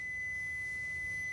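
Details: Training AED on a manikin during a CPR demonstration: after analysing the rhythm and advising a shock, the AED gives a steady high-pitched tone as the flashing orange button is pressed and the shock is delivered.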